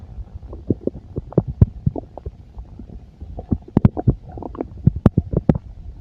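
Irregular gurgles, squelches and low rumbles from the belly; ordinary bowel sounds of a full stomach.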